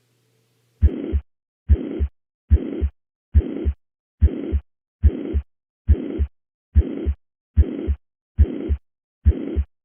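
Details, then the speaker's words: Teaching recording of a regular heartbeat near 70 a minute with a high-pitched, uniform (holosystolic) systolic murmur filling the gap between first and second sounds; mitral regurgitation. "this is a uniform murmur also known as holosystolic listening for shape definitely requires practice so don't be discouraged if you can't distinguish this right away"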